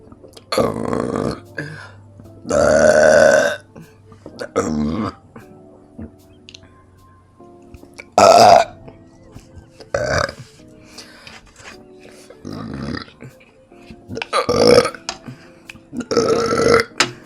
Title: End of meal huge vibrating burps and hiccups combo for 35 secs #burps #hiccups #hiccupburp #tbkburps